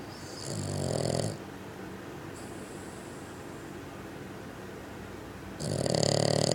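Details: Bugg dog snoring loudly: loud, rough, rattling breathing noises in bursts with quieter breaths between them; heavy snoring.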